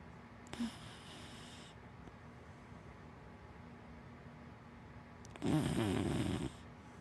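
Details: A large black dachshund–black Labrador mix snoring softly in her sleep: two brief, breathy snorting snores against a quiet background.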